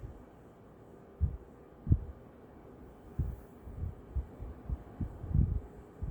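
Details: Normal heart sounds heard with the stethoscope diaphragm: soft, low lub-dub in a steady normal sinus rhythm, with no blowing or swishing murmur and no tachycardia.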